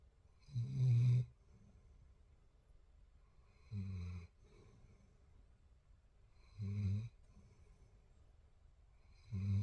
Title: lhola snores #shortsfeed #viral #ytshorts #germanshepherd #puppy #doglover